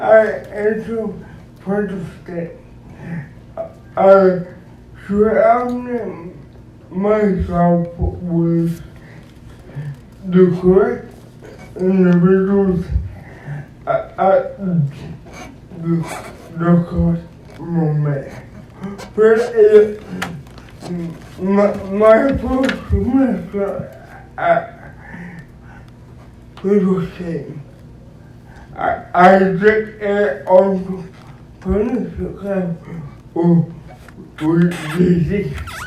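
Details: Dysarthric speech in an adult male founder introduced as physically challenged and speech impeded; he uses a wheelchair and needs a personal care assistant; the specific disorder is not named.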